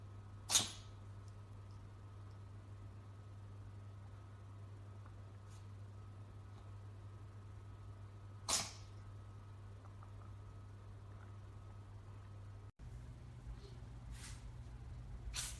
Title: Sneezing of different animals.